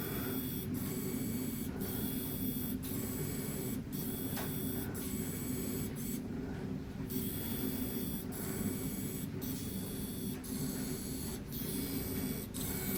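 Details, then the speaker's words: Priming the tubing of a Tandem t:slim X2 Control-IQ insulin pump, about 12 units filled until a drop appears at the cannula; insulin pump tubing fill. "Так, в нас вже пішло 12 одиниць. Так. І бачимо, що тут в нас пішла капля."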